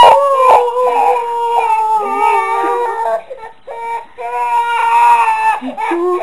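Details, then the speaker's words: Baby startled by the mother's loud sneeze nearby: sustained, rising and falling infant crying with brief breaks to breathe, while being comforted. "you all better now for Mommy's big sneeze that scared you"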